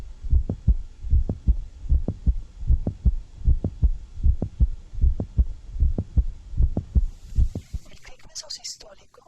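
Regular heartbeat about 77 a minute with sharp clicking sounds between the beats; a mid-systolic click, typical of mitral valve prolapse.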